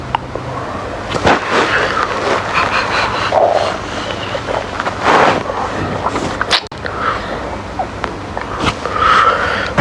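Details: Male stomach growling: bursts of gurgling, croaking rumbles from the belly, typical of normal borborygmi.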